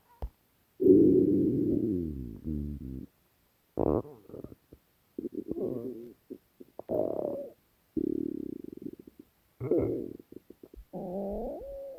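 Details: Hunger stomach growling from a compilation of three years of recordings: long, pitched gurgling growls with bubbling runs and squeaks; borborygmi.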